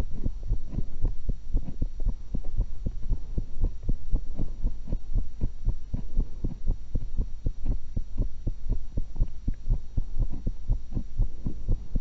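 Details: Own heart recorded through a stethoscope while eating an apple and a cucumber: steady, regular low heartbeat thumps with a constant background hum; normal heart sounds.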